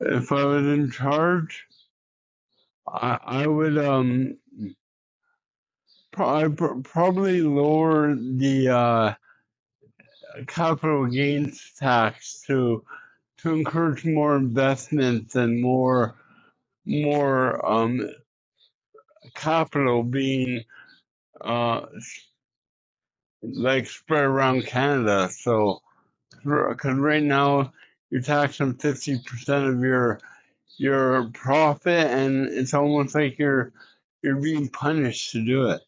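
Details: Adult man with cerebral palsy, an Olympian and professional speaker, in a street interview; halting speech with pauses and broken phrases; dysarthria (cerebral palsy).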